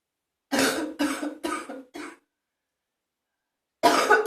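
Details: Morning phlegmy productive cough with spitting in a bathroom: four quick coughs in a run, then another cough after a pause, in a small echoing room.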